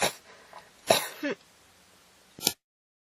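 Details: Three short, sharp dry coughs with quiet gaps between them; a repeated cough.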